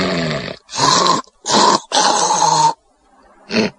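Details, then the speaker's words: Acted loud, rough, rattling snoring bursts in quick succession from the snoring scene of the film Planes, Trains and Automobiles; odd snoring likened to a shaving haircut sound. The character says he snores all night if he doesn't clear his sinuses. "just like just weird snoring. Oh, yeah. If you listen closely, it sounds like shaving haircut almost."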